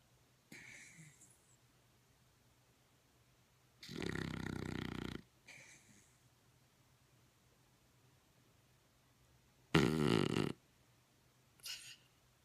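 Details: Dog named Trevor in very deep sleep, possible REM sleep or sleep apnea: a few widely spaced snorting snores with quiet pauses, over a steady low hum.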